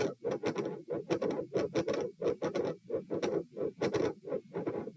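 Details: Very loud murmur heard at the aortic area (position A), recorded standing and sitting, heart rate 120 bpm: a loud aortic murmur.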